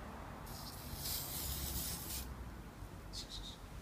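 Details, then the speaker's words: Several hissing spray bursts over quiet room noise: wound medication sprayed onto a calm female dog's post-castration (spay) surgical site during dressing change. "eu agora vou botar o remedinho e é spray geralmente cachorro não gosta de"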